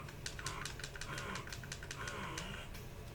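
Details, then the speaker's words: Lacevo S70 wearable breast pump in expression mode at suction level 12: rapid clicking and a faint rhythmic motor hum as it pulls; breast pump expression mode. "Okay, and that's 12. So it's definitely, you can hear it pulling."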